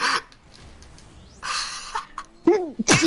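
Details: About three quick, sharp, snorting sneezes in succession; sneezing.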